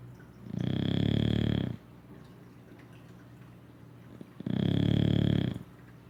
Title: Rygg English Bulldog snoring his butt off after a ruff day of doing nothing....